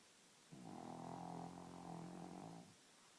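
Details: A 2-year-old female pug asleep at night: a low, rattling, tonal snore lasting about two seconds with a soft buzzing flutter, rising and easing slightly; dog snoring.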